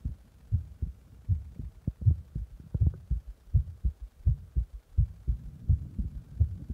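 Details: Self-recorded heartbeat after pressing on the chest: regular low thumping beats at about 83 per minute with a faint steady hum underneath.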